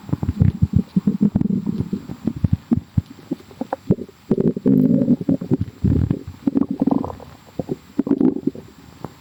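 Bubbly, gurgling low rumbles come in quick bursts and longer rolls, typical of ordinary stomach growling as gas and fluid move through the gut.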